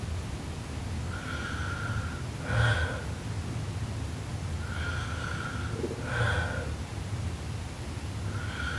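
Loud, rough snoring with a snorting quality on each breath in, about 17 breaths a minute, over steady room noise.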